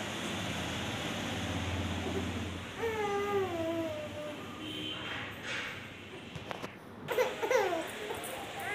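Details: 3-month-old baby, hungry and angry: fussing wails rising and falling over room noise, a hunger cry.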